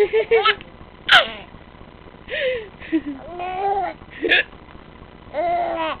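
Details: Abrupt hiccup sounds from a mother, heard among her child's giggles and voices as the child laughs at them; hiccups.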